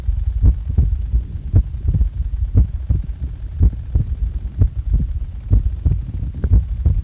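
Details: Normal heart sounds recorded just after waking: steady lub-dub heartbeat of about 65 beats a minute in a regular rhythm.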